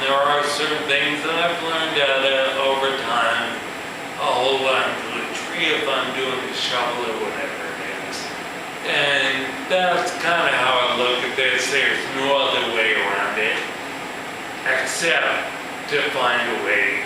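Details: Man with ataxia, a progressive neurological disorder in which cerebellar cells die, affecting his balance and speech; he says his speech has improved; real ataxic dysarthria.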